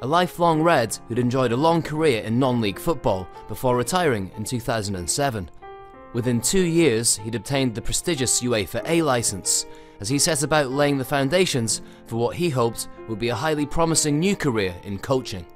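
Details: Adult male narrator; normal fluent speech.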